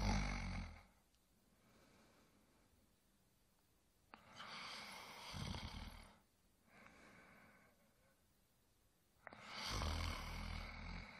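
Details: Adult male snoring during sleep: slow, rumbling snores on each in-breath, three over about eleven seconds, with quiet out-breaths between.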